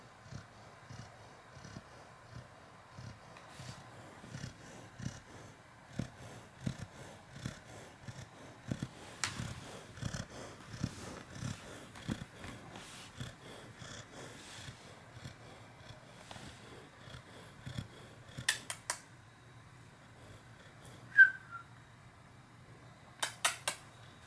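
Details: Recently neutered pet asleep on the day of surgery snores loudly with a rhythmic, rumbling sound like a cat's purr.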